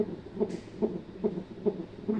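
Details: Fetal heart tones on Doppler: rapid, regular whooshing pulses at about 144 beats a minute.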